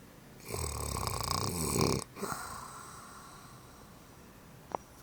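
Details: Mother snoring in sleep: one loud, rough, fluttering breath in followed by a softer breath out in a quiet room; a single snore.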